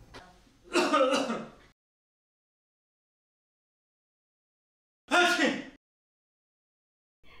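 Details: Simulated cough demonstration of correct etiquette: two short, muffled acted coughs separated by silence, coughing into the upper sleeve or inner elbow.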